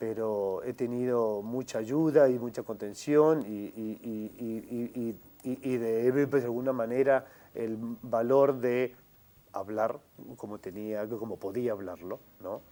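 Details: Adult man who has stuttered since early childhood, member of a mutual-help group for adults who stutter, speaking in a TV interview; stuttering.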